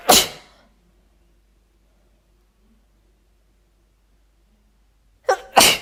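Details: Adult female, sneezing provoked on purpose with chhinkni (nasal irritant): three forceful sneezes, one at the start and then a quick pair after a long silence.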